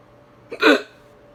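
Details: Hiccup after eating salami too quickly: a single sharp, abrupt voiced gulp against a quiet background.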